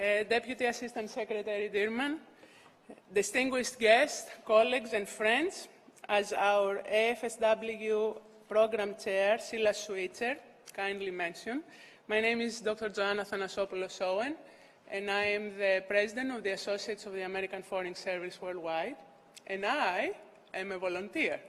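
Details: Adult woman speaking; normal speech.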